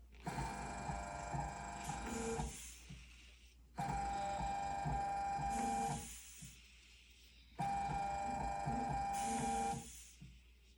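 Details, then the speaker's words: Emergency ventilator squeezing a commercial bag-valve-mask resuscitator by motor, in assisted mode triggered by a breath on the mask, PEEP about 15: three whirring cycles about every four seconds, each ending in a release. "But if I put the mask to my face and take a breath, the system will respond by delivering a breath at the settings that I've selected at a particular inhalation over exhalation rate, a particular tidal volume, and a particular speed of that breath."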